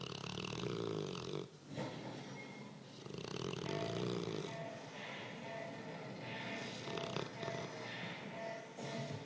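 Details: Dog snoring loudly while the owner tries to watch a movie: rough snore on each breath, about 19 breaths a minute, with faint background music.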